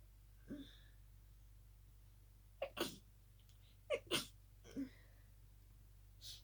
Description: Just another night-time sneezing fit... I was trying to stifle them as best as I could 🤧